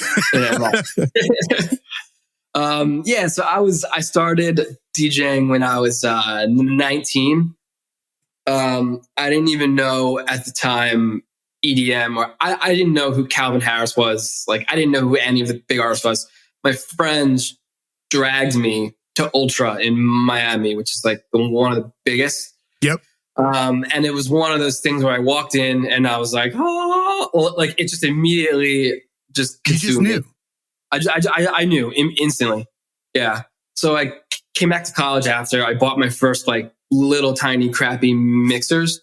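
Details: Adult male author who grew up with a stutter and was bullied for it, with the stutter still present as an adult; word repetitions: stuttering.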